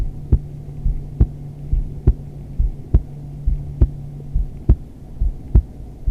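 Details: Female heartbeat recorded during yoga, in wide-legged modified child's pose; steady, regular low thumps about 69 a minute over a faint hum; history of neck subluxation after two concussions; normal heartbeat.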